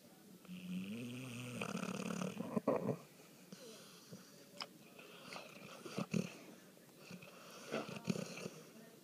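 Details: Sleeper whose snoring is loud enough to hear from the next room: soft, irregular snuffling snores with a few whistling notes and snorts in a quiet room; snoring.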